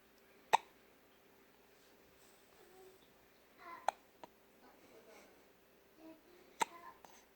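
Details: Sharp, brief hiccups every few seconds against quiet room noise, with faint soft sounds between them; hiccups.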